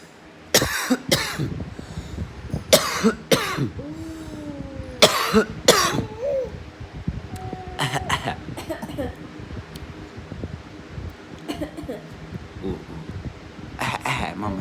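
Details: Adult and 10-month-old baby trading playful fake coughs: imitated voluntary coughs back and forth, with baby vocal sounds between.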